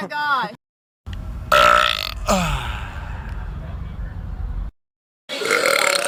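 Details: Compilation of men burping: several loud, drawn-out burps, some deep and rumbling, some with a voiced croak, separated by short silences.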